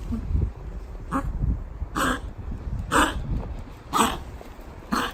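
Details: 10-year-4-month-old Pomeranian, intermittent cough since age 3 from suspected tracheal restriction, now incessant after a kennel stay (owner suspects a choker collar). He is vaccinated against kennel cough and not overweight. Repeated harsh honking coughs, about one a second.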